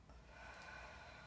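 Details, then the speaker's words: Student nursing assistant guides a patient sitting up straight, holding a pillow over the stomach, in deep breathing and coughing exercises: single steady, breathy deep exhalation lasting about a second. "and take a deep breath and then breathe out"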